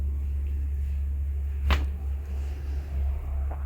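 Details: One sharp joint crack over a steady low hum during a lumbar spinal adjustment of a 22-year-old man with low back pain radiating down the leg (sciatica) and bulging lumbar discs; joint cavitation from manipulation.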